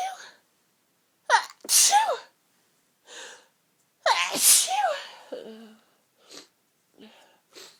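Quick run of forceful sneezes, each with a sharp in-breath and hissing burst, several close together: a sneezing fit.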